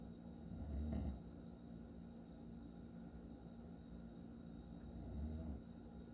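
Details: Father snoring in sleep: low rumbling snores recurring about every four seconds over steady room hum; snoring.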